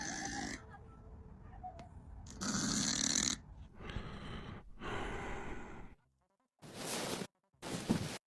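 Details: Soft, raspy snoring breaths from a sleeping cat in several spliced segments separated by abrupt cuts and brief silences: gentle, ordinary snoring.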